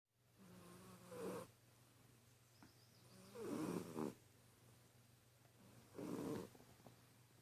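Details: Sampson (cat) snoring in sleep: three rattling, snorting breaths over about seven seconds with a steady hum underneath.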